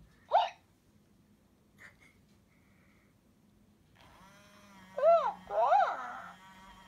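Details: Hatchimals Bearakeet toy simulating hiccups: short, irregular hiccup-like chirps and squeaks over quiet room hum, not real hiccups.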